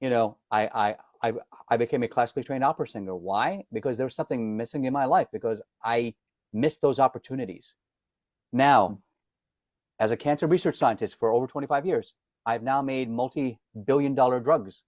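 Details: Adult man, self-described lifelong stutterer, reports daily disfluency, can hide it when singing as a classically trained opera singer; word repetitions heard; stuttering.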